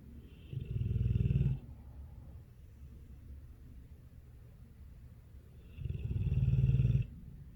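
Two loud, low, rattling snores about five seconds apart with quieter breathing between. Snoring in a sleeping large dog.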